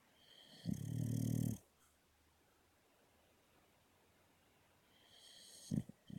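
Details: Female dog Luca snoring while asleep: one loud rattling snore, then quiet, then the next breath begins with a snort; she does much louder snores too.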